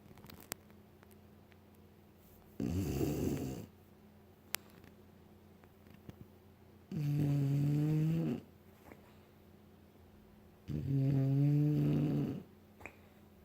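Three loud, low, rattling snores separated by quiet pauses, roughly 15 a minute, in a quiet room.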